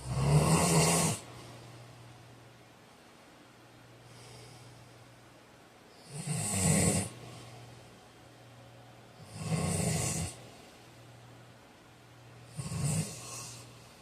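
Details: Loud, rough snores with snorting on inhalation every three to four seconds, separated by quiet breathing; ordinary snoring during sleep.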